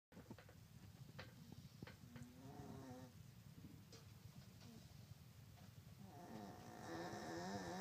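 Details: Low, fluttering breathing with rising snorting rattles from a Yorkie dog napping; snoring.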